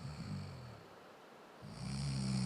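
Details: Adult man being asked to turn onto his side. Two low, grunting snores separated by a short pause, attributed to a deviated nasal septum.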